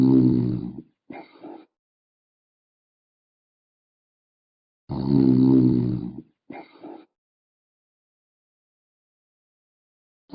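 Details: Snoring: two rough, rumbling inhaled snores, each followed by a short puffing exhale and long silence, about 12 breaths a minute.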